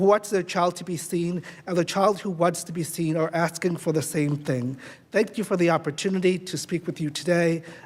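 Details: Adult speaker; normal voice.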